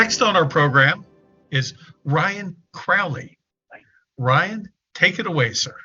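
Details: Adult speaker, event host; typical speech.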